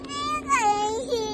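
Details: Infant crying for milk: short, high-pitched wailing hunger cry with rising and falling pitch over a steady hum.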